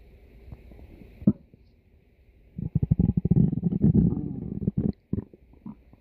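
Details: Loud gurgling, bubbling rumbles in rapid irregular bursts from a pet's belly; ordinary stomach growling (borborygmi).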